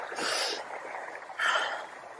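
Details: Person outdoors who says bug spray makes them sneeze and that they are allergic to trees; two short, forceful, noisy bursts of air through the nose about a second apart: snorting.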